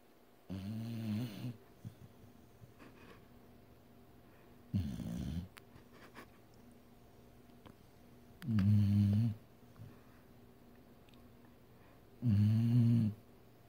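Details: Sleeping dog snoring loudly: low rattling snores on each breath, about 16 a minute, with quiet pauses between.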